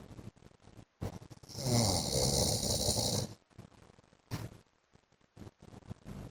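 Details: Adult man (husband) snoring in sleep: loud, rough snoring on the in-breath, with snorting sounds between breaths.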